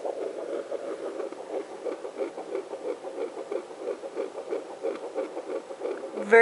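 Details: Home fetal Doppler (Sonotech Pro) on a pregnant woman's lower abdomen: rapid, regular whooshing fetal heartbeat about 170 a minute, usually in the 170s for this baby; fetal heartbeat.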